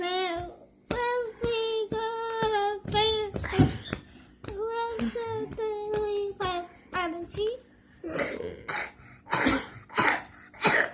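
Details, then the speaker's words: Child (Mikey) coughs while trying to sing, then is told to remember to breathe or he'll cough. "well we got to remember to breathe loss thing you know else you're gonna cough try again that haha thing"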